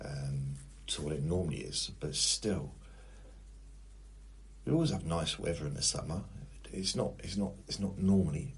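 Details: Stuttering (stammer) in an adult man that comes and goes, occurs sometimes when nervous in conversation, and at times blocks him from getting words out.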